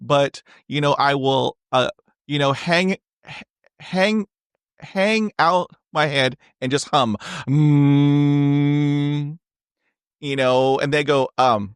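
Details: Stuttering in an adult, real, who has stuttered since age 5 and had speech therapy on and off from grade school to college; spontaneous podcast interview speech.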